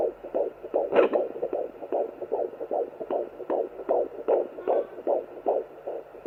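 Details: Fetal heartbeat on a Sonoline fetal Doppler at 14 weeks 4 days of pregnancy, the first time the device was used.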